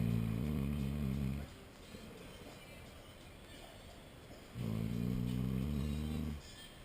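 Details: Man snoring after a hard night's work: two long, deep, rattling snores a few seconds apart with quiet steady breathing between; loud snoring.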